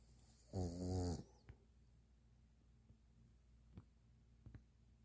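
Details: Sleeping pug: one loud, low, rattling snore, then quiet breathing with faint snuffles; snoring in a flat-faced dog.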